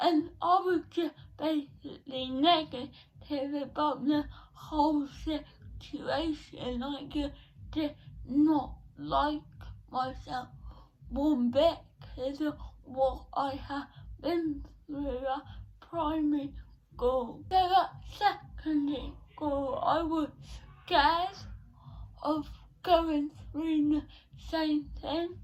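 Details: 17-year-old female with cerebral palsy since birth, diagnosed at 14 months, which she says affects her speech; speech therapy from an early age; dysarthria.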